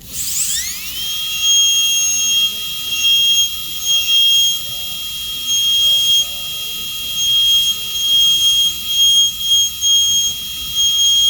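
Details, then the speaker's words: Continuous high-pitched whine of a high-speed dental drill with a 330 bur, dipping in pitch as it cuts, with water spray hiss. It is widening the proximal box in a Class II MO amalgam preparation on a mandibular second premolar. "the reason of doing this is for me to make a large enough proximal box with burr as much as I can, and don't spend extra time using enamel hatchet. So now I'm gonna use the burr all the way."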